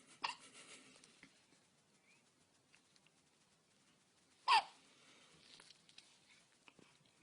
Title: My twins 10 days old hiccups